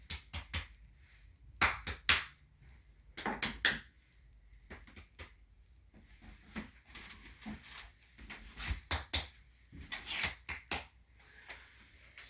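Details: Focused respiratory assessment: sharp hollow taps in pairs and short runs as the chest is percussed; the note is resonant, neither dull nor hyper-resonant, a normal finding.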